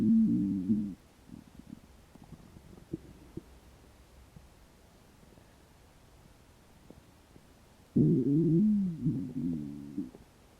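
Two long, low gurgling growls separated by quiet, with faint clicks between; ordinary hunger stomach growling.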